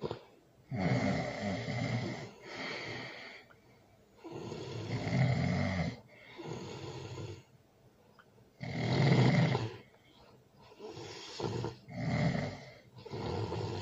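Loud, rattling snores, several per breath cycle groupings, roughly 15 a minute, with quiet gaps between; heavy adult snoring.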